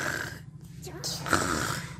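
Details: Child's playful imitation of snoring while pretending to sleep: a low, buzzy, rattling breath sound with a rough nasal quality.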